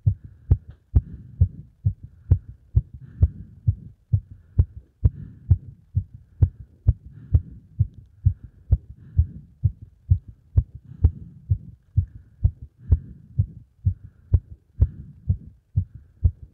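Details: Normal heart sounds after exercise: fast, regular heartbeat, about 130 beats a minute, with crisp paired thumps.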